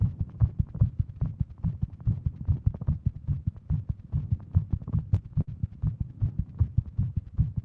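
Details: Female with Wolff-Parkinson-White syndrome, sitting at her desk, heart pounding all day, smartwatch rate over 150; rapid, regular low heart thumps, tachycardia.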